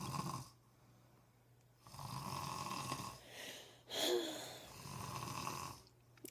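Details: Husband snoring during sleep: repeated rough, rattling breathing noises with quiet pauses between them.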